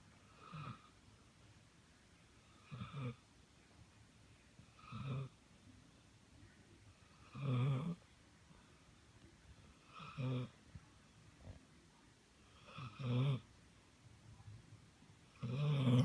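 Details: Soft, rumbling snores about every 2–3 seconds, roughly 22 a minute, in a quiet room. Ordinary snoring.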